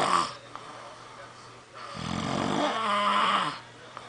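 Drawn-out, rattling, rough breaths separated by a quieter gap; snoring.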